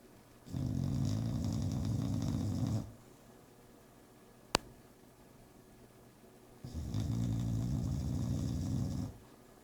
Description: Barbie the bulldog is snoring!